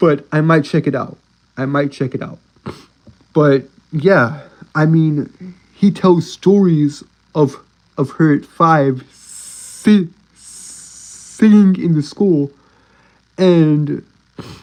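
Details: Stuttering in a male streamer who self-reports a speech impediment and stuttering; this stretch has repeated words and fillers; stuttering.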